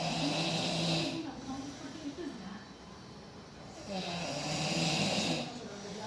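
Two rough, rattling snores on inhalation with a quiet pause between, television chatter faint in the background; snoring.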